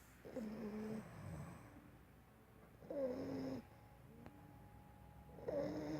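Soft, buzzing snores with each breath, about every two and a half seconds, in a quiet room: light snoring during sleep.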